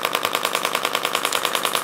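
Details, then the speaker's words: Radial shockwave therapy device delivering impulses across a woman's quadriceps, targeting tender spots found by palpation: rapid, regular sharp clicking pulses, about ten a second. "I'm going to do about 3,000 impulses into this whole quadricep working the different portions of the Quad"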